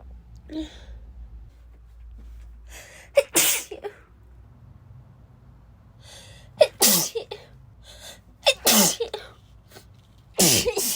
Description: Started sneezing half-awake and you can hear my nose warming up to full strength lol this was rough